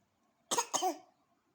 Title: PURA-PURA BATUK | CUTE BABY GIRL